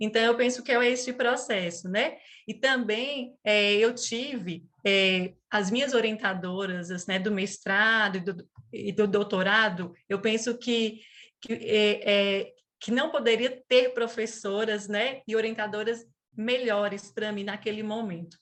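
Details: Adult woman who stutters, onset at age 4, who returned to speech therapy during her master's and doctorate; stuttering.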